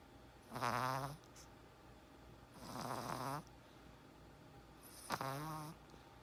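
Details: Three long, rattling snores from a small Chihuahua dog sleeping with eyes open, spaced roughly two seconds apart, with quiet room noise between them; snoring.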